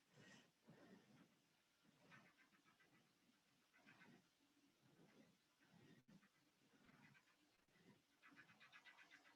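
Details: Mouse on a pulsed Doppler flow velocity system: rapid, pulsing whooshes wax and fade as the probe settles, ending in a loud burst; Doppler flow signal.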